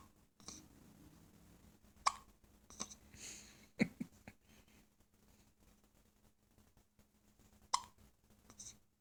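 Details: Infant hiccups: several abrupt, short clicking catches a few seconds apart in a quiet room.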